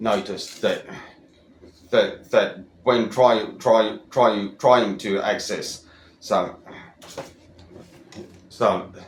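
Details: Adult, over 25, who stutters, with repeated words; stuttering.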